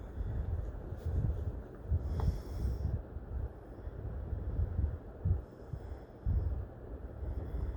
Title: demon snoring